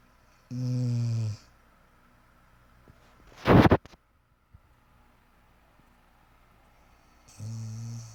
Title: Cute Husky Snoring